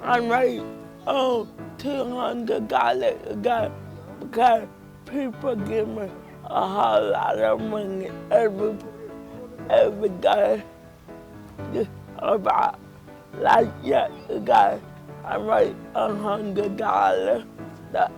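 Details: Dysarthric speech in a 31-year-old woman with cerebral palsy present since birth.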